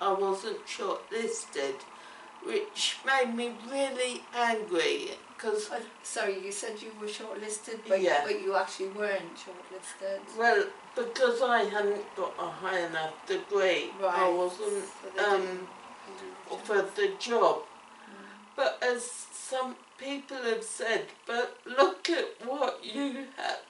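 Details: Woman with cerebellar ataxia affecting her speech and coordination: ataxic dysarthria.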